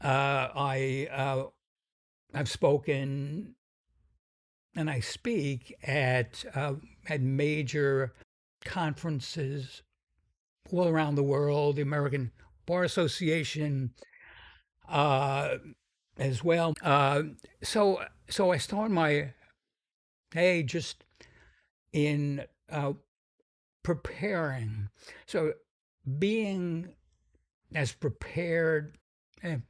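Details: Adult man with a sometimes noticeable stuttering that he says varies in severity; described by the host as a pretty strong stutter; stuttering.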